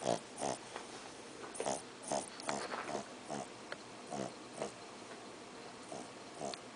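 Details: A sleeping Shih Tzu with a snoring problem, snoring very loudly, gives rapid, irregular snorting snores, about 150 a minute, with nasal rattling on each breath; snoring.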